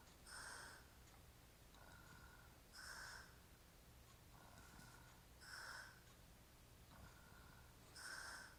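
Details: Adult man, described as drunk and hairy-chested, snoring in sleep: slow rhythmic noisy breathing with a rough snorting quality, about 24 breaths a minute, quiet room.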